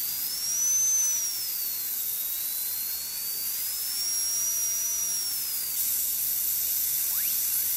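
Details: Continuous shrill high-speed dental drill whine, rising and falling in pitch with load, cutting a Class II interproximal cavity preparation under rubber dam, forming the proximal box.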